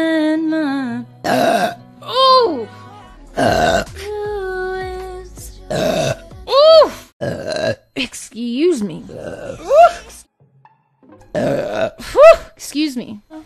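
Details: Adult woman, gassy, letting out a series of loud, drawn-out voiced belches with "excuse me" between them; burping.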